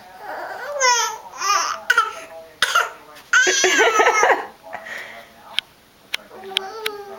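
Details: A young child playfully hamming it up with a newly learned fake cough: high-pitched vocal sounds mixed with a few short, sharp pretend coughs, a voluntary cough, not illness.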